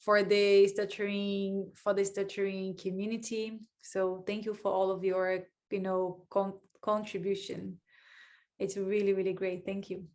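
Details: Adult speaker; ordinary speech.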